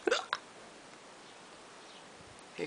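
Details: Person with unusual hiccups dubbed "hicburps": two quick, sharp hiccups close together, then quiet, then another beginning.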